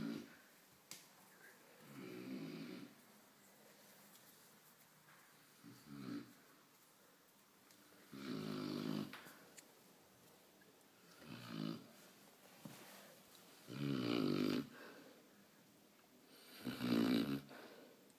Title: Newfoundland snores